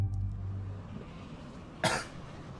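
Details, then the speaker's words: Adult who has been a little under the weather gives a single short, muffled cough, heard faintly over low background hum. "sorry if you can hear me cough every once in a while i try to get away from the mic but i've been a little under the weather lately"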